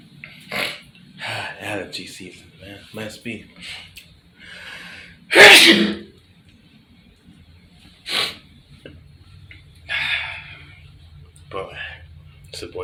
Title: Bathroom Sneeze With Snot #sneeze